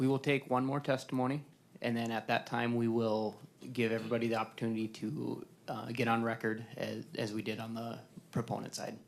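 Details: Adult male speaker; Normal voice.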